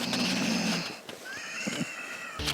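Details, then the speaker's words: Domino, a sleeping dog, snores: a low rattling breath followed by a thin whistling sound through the nose; snoring. "Domino, écoutez comment mon chien ronfle."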